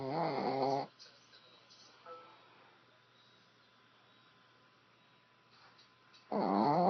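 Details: Woman snoring with her eyes open, two loud vibrating snores separated by a quiet pause of about five seconds: snoring.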